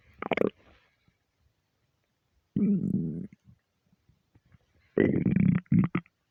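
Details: Stomach after overeating, half hungry half gassy: three loud gurgling rumbles with bubbly low-pitched churning; borborygmi.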